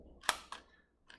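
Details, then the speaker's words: Sharp mechanical click then a softer second click as the tag of a daily long-term asthma dry-powder inhaler is pulled, priming a dose before inhalation in a first aid demonstration. "so to use one of these if they have it they'll open it up like that give this little tag a pull"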